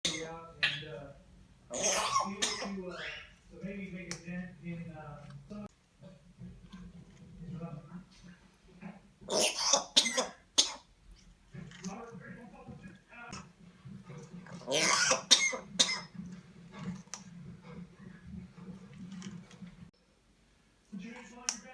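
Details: African Grey parrot giving repeated harsh, human-like coughs and throat-clearing sounds in a quiet room.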